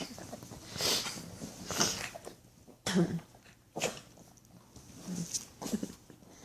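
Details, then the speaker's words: Dog that gets upset when its owner sneezes, then sneezes itself; several short, sharp nasal bursts with snuffling between, in a small room; repeated sneezing. "What's wrong, sugar? Why do you get so mad when I sneeze? Huh? And then you sneeze."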